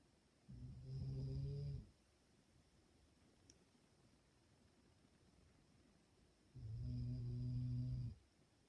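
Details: Dog sleeping and snoring peacefully: two low, rumbling snores about six seconds apart, separated by quiet breathing pauses; ordinary snoring.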